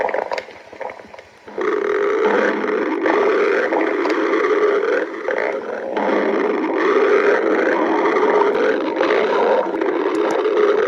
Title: Girlfriend stomach growling